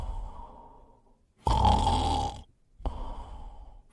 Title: Snoring compilation 105